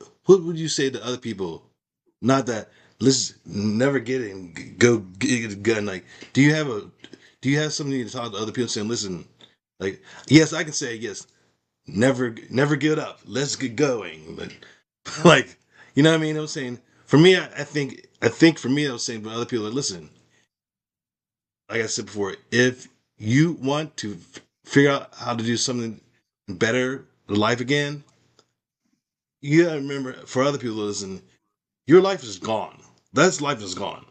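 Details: Woman with aphasia after a stroke, with difficulty understanding in meetings and needing repetition; conversational speech; aphasia.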